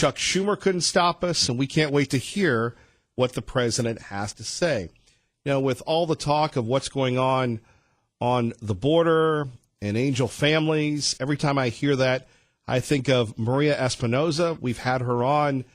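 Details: Adult man speaking; Normal voice.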